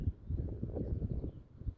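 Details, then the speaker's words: Adult yoga instructor's belly audibly gurgling during abdominal churning exercise, after drinking water beforehand: soft, low, irregular rumbling and gurgling, ordinary bowel sounds (borborygmi). "On entend mon ventre qui gargouille. J'ai bu de l'eau avant, c'est pour ça."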